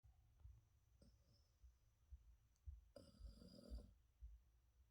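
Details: Soft, low, rapid snuffling snores with one brief louder snort partway through, from a sleeping Yorkshire Terrier; snoring.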